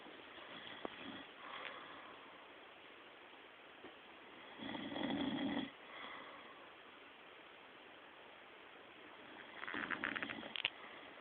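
Rough, noisy breathing sounds in bursts over room hiss, the strongest around two snores spaced several seconds apart; snoring.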